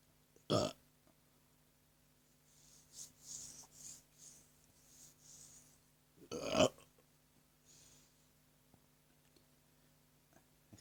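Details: Burping: two loud, low, rumbling burps several seconds apart, with soft breathing and rustling between them.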